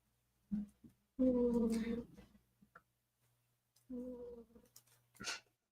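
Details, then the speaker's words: Loud snoring from a sleeping pet cat, heard in the background of a livestream. "That's my cat. That's my cat snoring. Yep. The sound you hear is Superball snoring."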